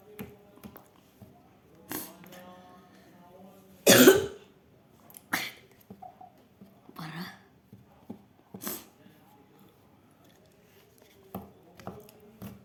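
Scattered short coughs, one loud burst among quieter ones, with faint background voices and noise; an adult coughing.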